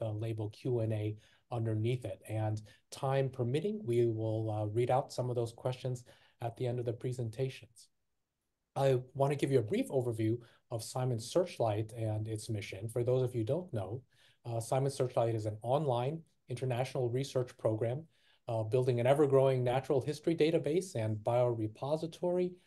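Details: Adult male speaker; Typical adult speech.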